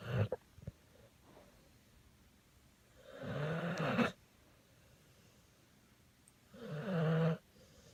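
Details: Snoring in a sleeping bully pit dog: two slow, rumbling snores about four seconds apart with a few faint snorts, likened to a little man.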